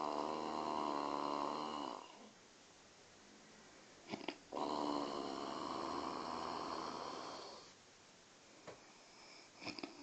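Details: Father and his baby son snoring while asleep: two long, loud, rattling snores about five seconds apart with quiet breathing between them.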